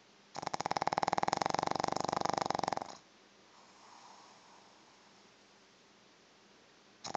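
A loud rattling, fluttering breath lasting under three seconds, then quiet room noise; a snore from a small flat-faced dog.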